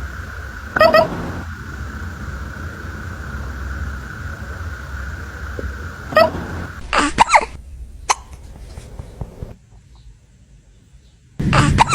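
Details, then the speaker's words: Kitten with hiccups: small, sharp, repeated hiccup-like jerks at irregular spacing over a faint steady background hum. "do you have the hiccups oh baby be"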